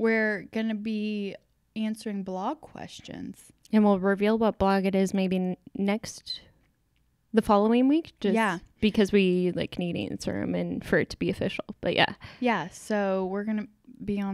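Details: Adult woman; no speech disorder.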